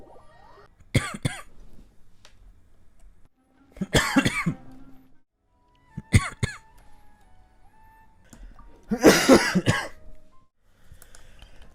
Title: 3minutes of coughing compilation